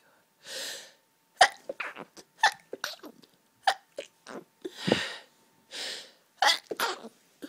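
Repeated forceful sneezes, each with a sharp gasp before it, in an unbroken fit from hay fever (allergic rhinitis).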